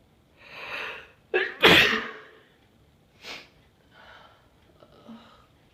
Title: breathy hitching and sneezes